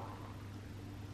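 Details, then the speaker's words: An adult woman's stomach rumbles in the morning: a low, steady growling rumble of about one second, which is borborygmi. "you hear that that was my stomach oh my god"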